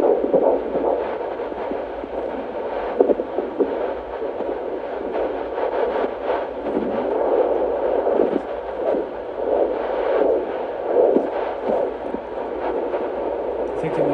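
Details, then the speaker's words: Fetal heartbeat on Doppler during the mother's pregnancy: rapid, rhythmic whooshing pulses heard through a muffled recording. "the bonus is you get to hear the baby's heartbeat if you sticked around this whole time"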